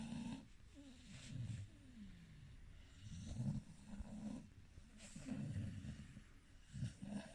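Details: Sleeper (he) giving soft, low rattling snores recurring every couple of seconds in a quiet room; gentle snoring.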